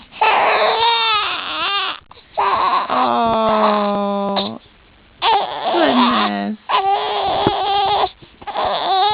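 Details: One-month-old baby girl crying right after sneezing: repeated strong wails with short breaths between them, in a quiet room.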